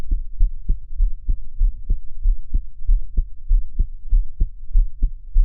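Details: Own heartbeat recorded while crying: fast, steady, deep heartbeat thumps throughout, no sound of the crying itself.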